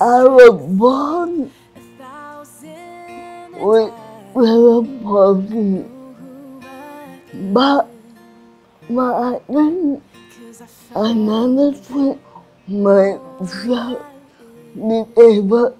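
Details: Adult woman with cerebral palsy and restricted movements; slurred speech, described by her teacher as difficulty speaking clearly; dysarthria.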